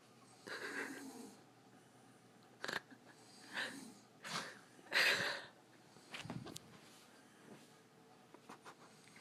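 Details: Snoring from a sleeping adult woman, the recorder's mother, who denies she snores: soft, rough breaths in irregular bursts, some with a wheezy, whistling edge, in a quiet room.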